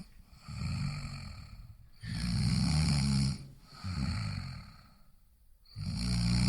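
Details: Loud, rough, low rattling snores with each breath, alternating with quieter breaths between; a snoring sound-effect recording.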